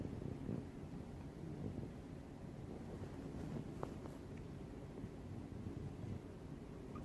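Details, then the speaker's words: Sleeping puppy snoring in the background during its nap. "Sorry if you can hear my dog snoring in the background. My puppy Gunner, he's sleeping. It's his nap time."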